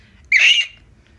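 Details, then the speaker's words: Imitated vocal tic from an adult with lifelong Tourette syndrome (motor and vocal tics): a single abrupt, high-pitched squeak under half a second, like the loud grunting and squeaking noises she makes. "like grunt noises squeaking noises I often times wondered what they thought about whenever they would hear me make those noises because I know for a fact it was loud enough enough for people to hear"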